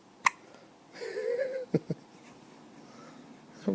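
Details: Infant hiccups late at night: sharp, abrupt little hiccups, several within seconds, with a brief fussy whimper, in a sleepy baby; the parent thinks they came from feeding him too fast.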